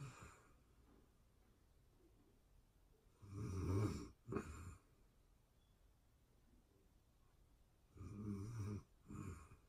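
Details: Real-time sleeping person snoring: low, rumbling snores on the in-breath, each followed by a short snort, about three breaths in ten seconds, in a quiet room.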